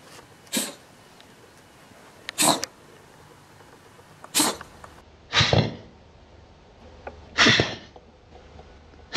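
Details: Cat coughing, shown in slow motion at reduced film speed.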